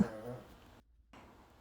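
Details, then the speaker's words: Dog snoring indoors: a low, rumbling snore on an inhaled breath fading out in a quiet room, with roosters possibly outside. "i'm really sorry as i'm narrating this video and you hear that very strange sound it's the dog snoring and the roosters outside the the door so i'm so sorry i have no place quiet to go"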